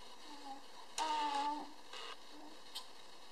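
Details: A 10-week-old baby, playing, in a quiet room: one sudden, brief, high-pitched sneeze followed by softer breathy sounds.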